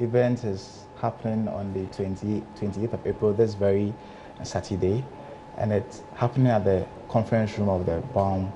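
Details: Adult man who stammers, member of a stammering association, speaking in a televised interview; stuttering.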